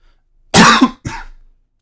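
One adult cough in two quick bursts, a loud harsh first burst then a softer trailing one, in a quiet room.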